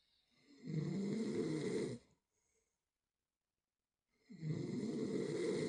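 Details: Sleeping dog snoring: loud, rough, rattling snores, one long snore followed by a quiet pause and another starting; snoring.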